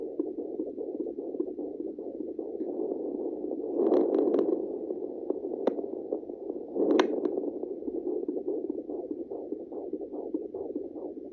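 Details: Fetal heartbeat heard at home with a fetal Doppler: rapid, muffled whooshing pulses through steady Doppler hiss.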